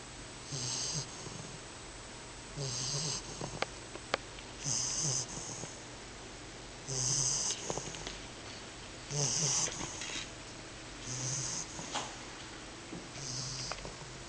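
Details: 10-week-old English Bulldog puppy snoring in sleep: regular hissing, snorting snores about 28 a minute, each with a low rumble.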